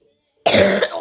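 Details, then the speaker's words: Single short, harsh cough after silence from a person who says they are a little sick. "Sorry if you hear me coughing. I'm a little sick."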